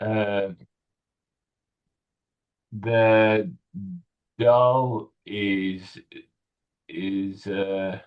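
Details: 65-year-old male with Broca's aphasia in a real tele speech therapy session on word retrieval; non-fluent, effortful speech with word-finding difficulty; Broca's aphasia.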